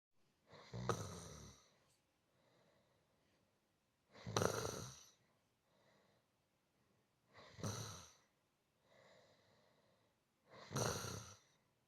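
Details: Gentle snoring relaxation loop: regular loud rattling snores on each in-breath, about 18 a minute, with soft quiet out-breaths between; steady, even snoring.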